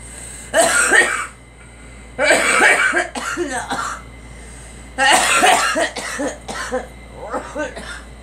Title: Girl coughing